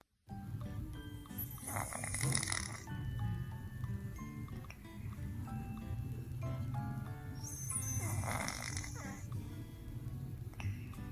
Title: Again in my bed Migros take my place and snoring I don’t know what to 😼 #cat